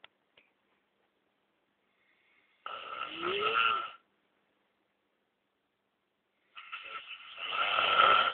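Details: Snoring in a man who swears he doesn't snore: two loud, rough, rattling snores with quiet pauses between them.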